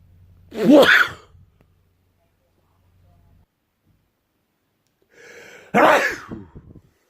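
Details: Person allergic to strong smells who sneezes a lot before Christmas: two loud, explosive sneezes, the second preceded by an audible in-breath, separated by quiet.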